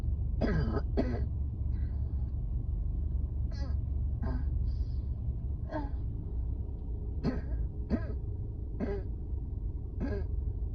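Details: Repeated short, harsh coughs over steady outdoor wind or engine noise, a coughing fit on a rooftop during a severe asthma flare-up at work.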